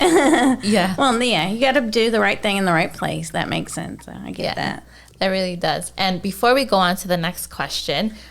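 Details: Adult woman; no speech disorder.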